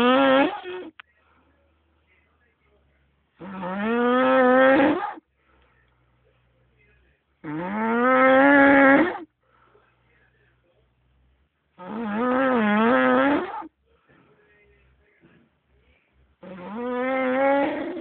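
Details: Man snoring, reportedly after drinking: loud, long, rattling snores with a groaning, tonal quality, one per breath at about 14 a minute, with quiet pauses between.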